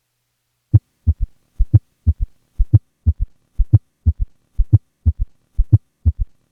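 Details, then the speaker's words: Quadruple rhythm from a patient with both an S3 and an S4, recorded during expiration at a heart rate of 60 per minute. Each slow, regular cycle has four low sounds: S4, S1, S2, then S3. "First, here's a patient with both a S3 and an S4 at a heart rate of 60 beats per minute, with recording made during expiration and thus"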